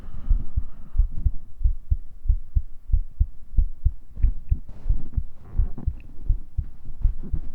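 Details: ASMR cuddling roleplay, heartbeat captured with a 3dio binaural mic, vocals on a separate mic: steady, deep paired thumps at about 90 beats a minute over faint background noise, a normal heartbeat.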